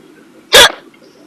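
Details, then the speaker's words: Woman with hiccups while driving her car, which she links to a salad with beer, recording herself: a single abrupt, loud hiccup with a sharp onset against low road noise. "this is what happens when you're driving in your car and you get hiccups oh man give that a shoot now I have to drive home with hiccups"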